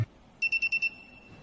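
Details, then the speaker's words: Homemade heart-beat monitor project with heart-beat sensor placed in a band and buzzer: five quick, high-pitched electronic beeps as sensor reading starts; heart rate monitor buzzer beeps. "இப்ப sensor reading start பண்ணோம்னா நமக்கு பஸ்ல இருந்து sound produce ஆகும்."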